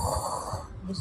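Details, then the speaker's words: Adult with cold, cough and fever imitating their own snoring, a brief low fluttering snort-like breath they call "whisper snoring". "My snoring is whisper snoring."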